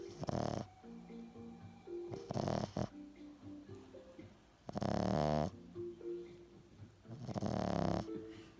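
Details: Loud rattling snores, four in under nine seconds (about 24 per minute), from a French Bulldog, with soft background music: snoring.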